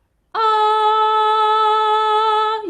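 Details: Demonstration of a clear voice tone, louder than the breathy tone before it, shown as the efficient singing mode; not a disorder.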